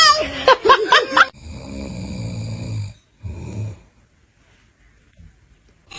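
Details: Dad snoring, with a scared baby reacting: a brief high vocal sound, then two loud rattling snore breaths, one long and one short, then quiet room noise.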